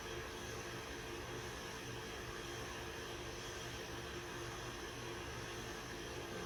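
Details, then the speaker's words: Continuous loud whirring hum and steady roar of a CT scanner during a radiotherapy planning scan for a patient with left breast cancer: normal running noise. "on vérifie aussi que la table elle est bien prise la passe de profil et on commence l'acquisition scanographique"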